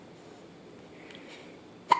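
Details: A baby in a onesie, awake early in the morning, is quiet and then gives one short, sharp hiccup near the end; hiccups.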